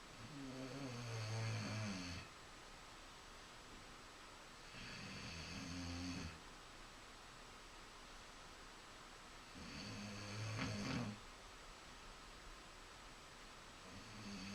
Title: Kratos The Bully "Snoring"